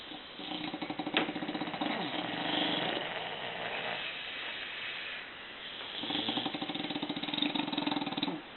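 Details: Several bulldogs snoring together on a Sunday morning: overlapping rough, buzzing snores rising and fading with each breath, typical heavy snoring of flat-faced dogs.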